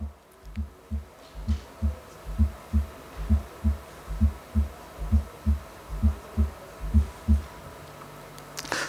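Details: Clinical cardiology teaching: regular low heartbeat about 66 a minute with an extra soft presystolic sound just before the first heart sound. This is an S4 atrial gallop, a sign of a stiff ventricle.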